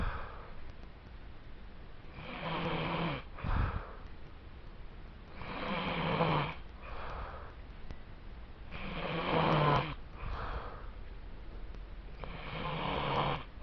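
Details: Person (brother) asleep, snoring: regular rough snores on each inhalation, about 17 per minute, with quiet exhalations between.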